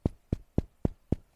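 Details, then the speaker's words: Chest percussion on a clinical case, with dullness at the bases of both lungs. "A la percusión, matidez en zonas basales de ambos pulmones."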